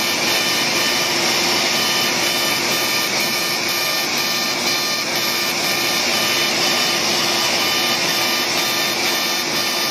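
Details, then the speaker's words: Light CO2 laser (about 40 millijoules, density six) firing during one-pass facial resurfacing for fine lines and wrinkles: loud steady hiss with fast regular ticking pulses, about two a second. Patient also has acne scars; expected to heal in about a week. "this is a co2 light which is about 40 millijoules on a density of six and we have our heavy laser so this is a one pass with this laser it is going to heal in about a week and will do well with fine lines and wrinkles and really well"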